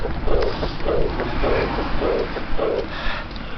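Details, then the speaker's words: 35-year-old woman with a known murmur and chronic exercise intolerance, heard at the fourth left intercostal space: rhythmic heart sounds with a soft, blowing decrescendo diastolic murmur of aortic regurgitation. "Hopefully, the timing for this murmur sounds different than the previous two examples. That's because this is a diastolic murmur."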